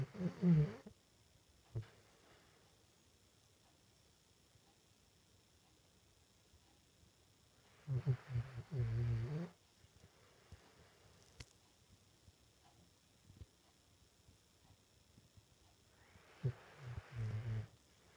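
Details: Small animal snoring in sleep: brief, faint, low rattling snore bursts separated by long quiet gaps.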